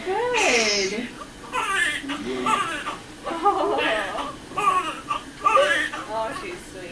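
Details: Repeated strong, rising-and-falling wails of a newborn girl just after birth following a 4-hour labor with epidural, with soft adult voices in the room; a vigorous newborn cry.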